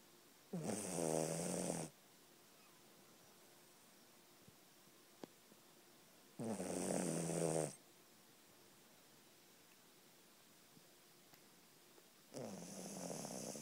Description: My cute puppy heidi snoring